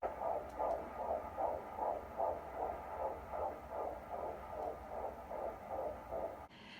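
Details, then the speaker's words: Fetal heartbeat on Doppler at a 15-week prenatal appointment, without ultrasound, in a pregnancy after loss, a baby girl: fast, regular whooshing pulses at about 150 beats per minute. "we got to hear the baby's heartbeat we didn't do an we didn't get an ultrasound but we just got to hear the baby's heartbeat"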